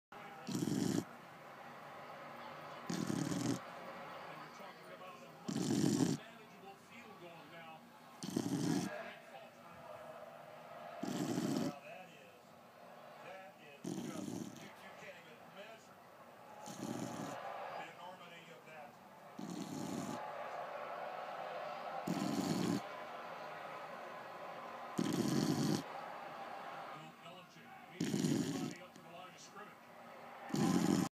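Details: Dog sleeping after a long day of running around and a bath, snoring in loud regular bursts of about 23 a minute, with quiet room noise between: snoring.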